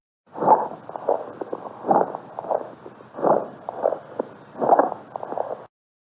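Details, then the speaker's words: Repeated stethoscope breath sounds broken by short, irregular crackling pops: rales from secretions accumulated in the airway, heard in consolidation such as pneumonia, tuberculosis or tumours. "los estertores son producto de la acumulación de secreciones en la vía aérea y se presentan en fenómenos de condensación"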